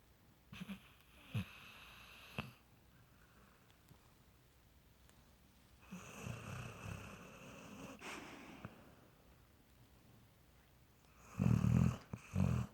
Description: Omid the Miracle dog, sound asleep and snoring away during movie night.